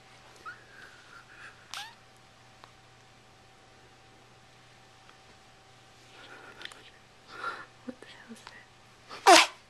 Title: sneezing